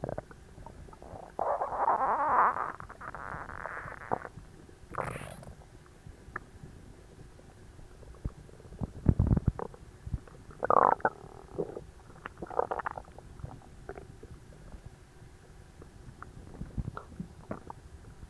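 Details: Loud, irregular gurgles and rumbling bursts from an achy, tight, overstuffed belly, recorded right after a large Christmas dinner: active borborygmi (bowel sounds) of digestion.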